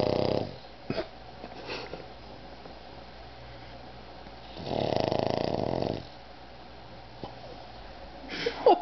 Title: Otis The Snoring Pug